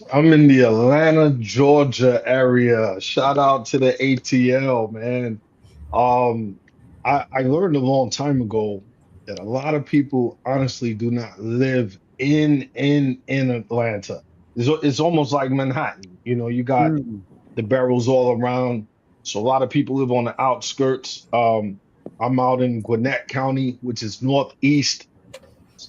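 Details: Adult man speaking; normal voice.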